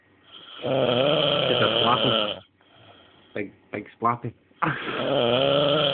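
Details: Sleeping male friend after drinking, heavy snoring: two long, loud, rattling snores with short snorts between.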